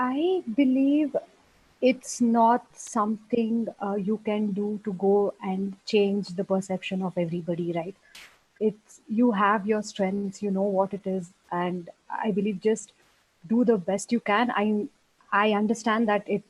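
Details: Adult woman speaking; normal speech.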